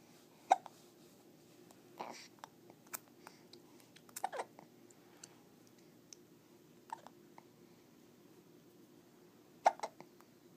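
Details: Hiccups: brief, sharp hiccup-like jolts spaced irregularly, several seconds apart, in a quiet room.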